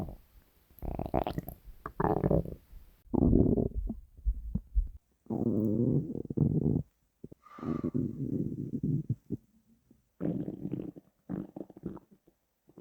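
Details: Long gurgling, rumbling growls from a hungry, empty stomach: normal borborygmi.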